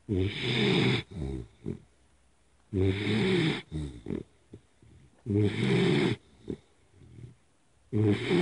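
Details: 3-month-old Pitbull puppy sleeping on a lap, snoring: loud, rough snoring in repeated bouts, about 23 a minute, with quieter snorts between them.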